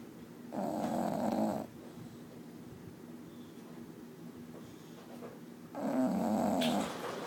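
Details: Sleeping bulldog snoring: two long, loud, rattling snores on breathing in, separated by quiet breathing.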